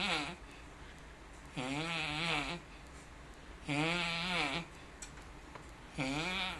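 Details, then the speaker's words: Sleeping man appearing to do a crunch with each snore; loud, rough, buzzing snores about every two to two and a half seconds, with quiet breathing between them; heavy snoring, recorded on a phone. "We're going to call this the Yes, ma'am. snore. this or he's really addicted to exercise and that is a slight possibility. He appears to be doing a crunch with each snore."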